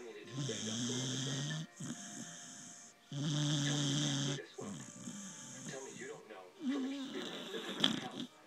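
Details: Male dog Whiskey snoring while asleep, content: long, low rumbling snores with each in-breath, separated by quieter breathing; ordinary snoring.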